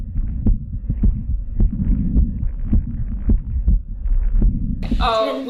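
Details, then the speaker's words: Heart heard through a stethoscope using bell and diaphragm together for high and low frequencies: regular low thumping heartbeats about 105 a minute with steady hum, brief voice at end; normal heart sounds. "so this time I'm now using the Bell and the diaphragm which will hopefully give me the high and low frequency sounds together so it will take another listen now"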